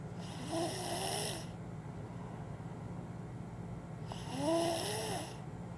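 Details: 2-year-old snoring loudly: two long snores with rising and falling whistling tones, separated by a few quiet seconds over a steady room hum.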